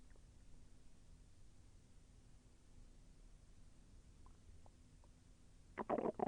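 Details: Bowel sounds during digestion, with the intestine moving and slightly painful: faint low rumbling, a few short gurgles, and a louder gurgling burst at the end.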